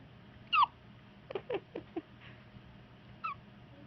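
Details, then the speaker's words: Someone has the hiccups: two abrupt, squeaky catches of breath a few seconds apart, with soft small sounds between them; hiccups. "I got the hiccups, everybody."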